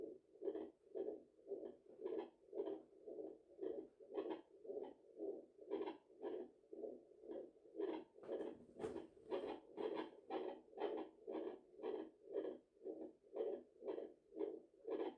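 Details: Mother at 34 weeks of pregnancy checking her own heartbeat with a home fetal Doppler after a large meal: steady whooshing pulses about 115 a minute; she feels it is beating too fast, possibly from tiredness.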